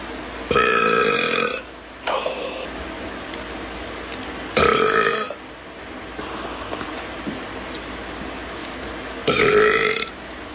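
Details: Boy gamer burping: three loud, voiced burps about every four seconds over quiet room noise.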